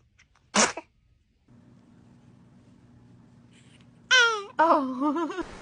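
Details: Baby: a single sharp, brief sneeze, followed after a pause by soft babbling and fussing: sneezing.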